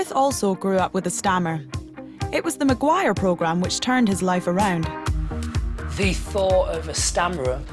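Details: Adult narrator over background music; fluent speech.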